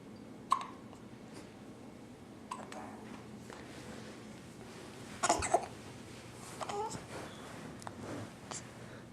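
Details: 9-day-old baby with hiccups, frequent before birth too; short sharp breath catches every one to two seconds, about five in nine seconds, in a quiet room; infant hiccups.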